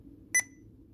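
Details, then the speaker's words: A single short, bright keypress beep from a Sapphire infusion pump during setup for inhaled epoprostenol delivery, as the respiratory care clinical area is selected and accepted after the system check. "once the system check is complete we need to choose the clinical area that we're working in in this case we're going to be using the respiratory care clinical area we're going to hit accept"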